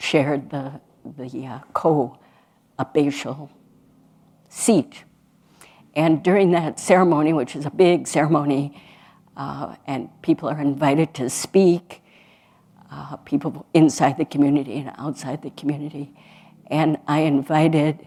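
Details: Adult woman speaking; normal speech.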